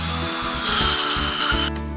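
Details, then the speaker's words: Dental hygiene visit, polishing each tooth individually after ultrasonic scaling: brief high-pitched whirring with grinding quality from a dental prophy polishing handpiece, then stops. "and with polishing we do each and every tooth individually and this is usually what I tell the patients as well when they're brushing their teeth to brush one at a time"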